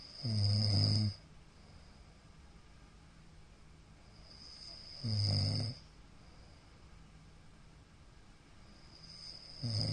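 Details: Middle-aged man snoring in sleep, recorded 15 Feb 2022: loud, low, rattling inspiratory snores about every five seconds (roughly 13 a minute) with quiet gaps; the recorder wonders about possible sleep apnea.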